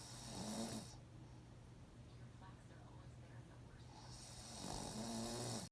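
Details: Child (son) asleep, two soft rattling snoring breaths with a quiet pause between; mild snoring.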